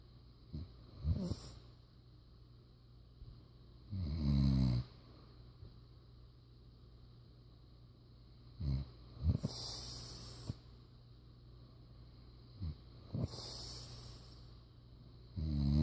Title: Snoring Daddy